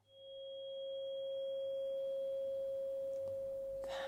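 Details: Rinne test, air conduction, in a simulated ASMR cranial nerve exam: a steady, pure humming tuning fork tone held beside the left ear after bone conduction behind the ear, with brief rustling at the end.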